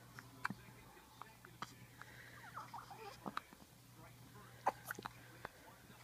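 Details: One-week-old newborn with hiccups: soft, sharp little catches repeating about every second in a quiet room.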